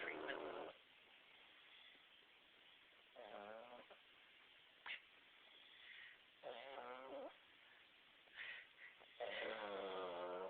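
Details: Father and a child sleeping, with a nebulizer treatment mentioned just before: several brief tonal, buzzing breaths a few seconds apart in a quiet room; soft snoring.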